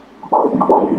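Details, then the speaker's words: Doppler fetal heartbeat at 157 beats per minute during an ultrasound at 13 weeks of pregnancy: a normal fetal heartbeat. "mẹ đang xúc động rơi nước mắt đây, huh khi con nghe thấy tiếng tim 157 đó"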